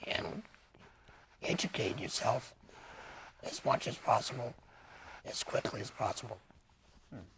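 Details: Laryngectomee speaking with a tracheoesophageal puncture voice prosthesis; tracheoesophageal speech after laryngectomy.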